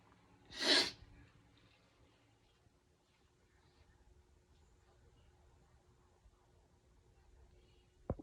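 A single sharp, hissing sneeze burst, followed by near silence; one sneeze.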